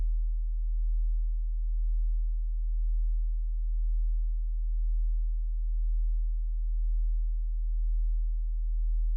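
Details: Generated hearing test tone, companion audio for a spreadsheet: a steady pure low tone with gentle, slow swelling in loudness.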